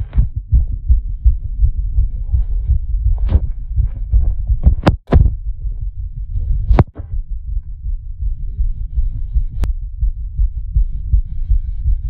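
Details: Fast, heavy low thumping beats, roughly 160 a minute, with a few loud knocks, a racing, pounding heartbeat from the creator's own chest.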